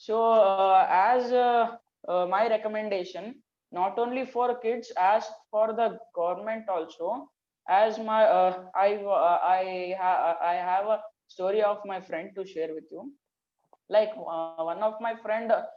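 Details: Stuttering in a 14-year-old schoolboy from Karnataka, India.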